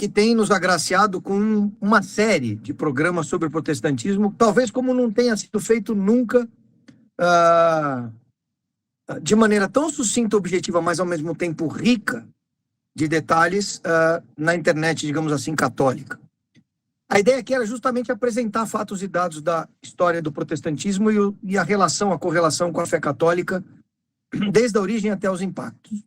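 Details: Adult speaker; normal voice.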